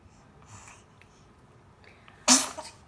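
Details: Quiet breathing, then one sudden, loud, hissing burst; a single sneeze.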